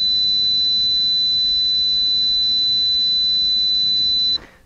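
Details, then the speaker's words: A steady, piercing high-pitched tone holds unchanged for about four seconds, then stops: a simulation of the permanent tinnitus ringing in the left ear, attributed to years of loud guitar playing. "so this is known as tinnitus and basically what it is is a high-pitched tone that is always there and it kind of sounds like this"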